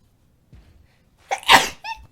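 A short breath in, then one sharp explosive sneeze ending in a brief voiced sound: an ordinary single sneeze.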